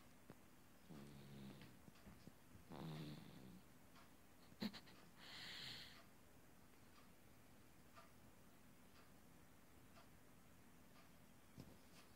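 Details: Baby boy who fell asleep listening to water running from a faucet, snoring during sleep: soft, faint snoring sounds on a few breaths, with quiet room noise between them.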